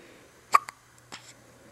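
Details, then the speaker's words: Newborn girl in her first week at home who gets hiccups four or five times a day: two short, sharp hiccup sounds in a quiet room; hiccups. "has the hiccups yet again. It's uh a four or five times a day occurrence."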